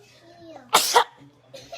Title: Incredible Cat Allergy Sneezing Fit